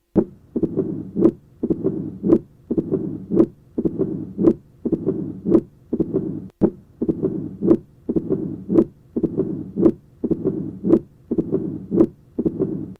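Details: Mitral stenosis: regular heartbeat near 56 a minute with loud first sound, opening snap and low-pitched rumbling diastolic murmur, best heard at the apex with patient in left lateral position.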